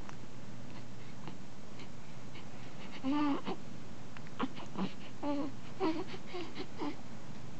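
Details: Newborn on day 1 of life: several short, high-pitched cries and fussing sounds over a steady background hum; newborn crying.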